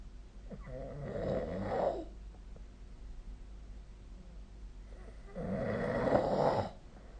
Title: 🐽 本日のイビキ / Snoring Sleep Sound 2025/04/22